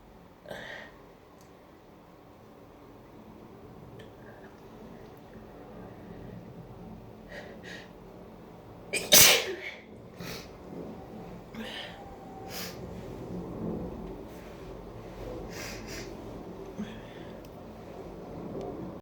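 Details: Sneezing fit in the shower during a cold: one loud sneeze among several softer sneezes and sniffs, with running shower water in the background.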